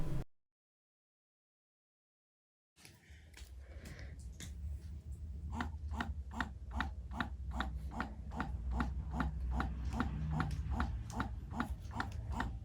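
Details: Yoboo electric breast pump running, recorded in the daytime, with massage, pump and combined modes and levels 1–9; steady motor hum with rhythmic suction pulses about 150 a minute. The reviewer finds it somewhat noisy.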